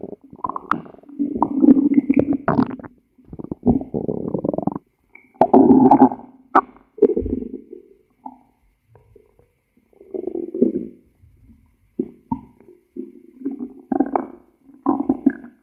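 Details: Stomach growling: bursts of low gurgling and rumbling with quiet gaps, ordinary borborygmi.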